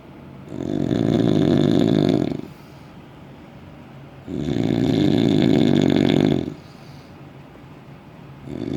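Very loud, coarse, rumbling snores lasting about two seconds each, with quieter breathing between, roughly 15 breaths a minute: heavy snoring.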